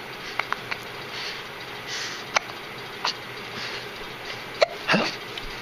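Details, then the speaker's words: Young child with hiccups in a quiet room: several brief, sharp catches in the breathing, one ending in a short voiced squeak. "Oh. Oh. That sounds like a good hiccup."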